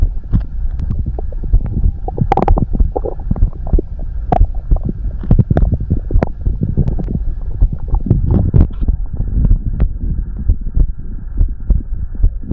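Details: Stomach growling (borborygmi): continuous low gurgling and rumbling with irregular bubbling pops, from an ASMR recording of heartbeat and stomach growling.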